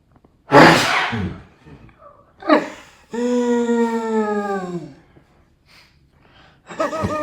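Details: A run of sneezes: one loud explosive sneeze, a smaller second burst, then a long drawn-out voiced sound and a further noisy burst; sneezing.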